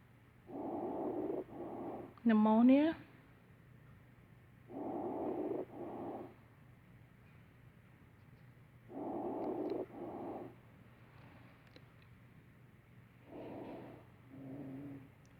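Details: Lung sounds of community-acquired pneumonia, simulated on a mannequin.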